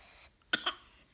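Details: Child pretend coughing with silly sounds: two short, dry, deliberate coughs, a fake rather than illness cough; voluntary cough.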